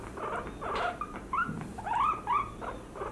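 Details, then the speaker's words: Female guinea pig (800 g) with suspected traumatic chest injury and likely fluid in the lungs causing wheezing, chest painful on both sides, vocalizes in displeasure during thumb-and-four-finger abdominal palpation checking for early pregnancy: pain vocalization. "so have a quick palpation you thumb and four fingers of course it should be early pregnancy but she's not very happy with it"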